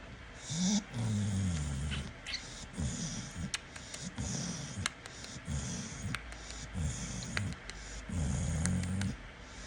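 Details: Pitbull snoring while awake.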